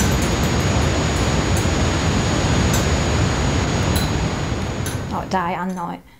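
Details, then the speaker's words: Simulated tinnitus ringing: a steady, thin, high-pitched whine over loud static hiss lasting about five seconds before a brief voice. "of course, one day that ringing never stopped. And at that point, I realized that I had tinnitus."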